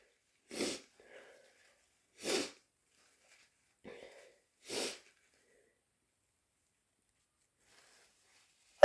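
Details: Sneezing bout: three wet, forceful sneezes a couple of seconds apart, with soft breaths between them.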